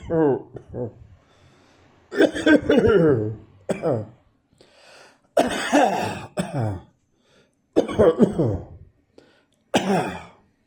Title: Dry Coughing from Atmospheric Dust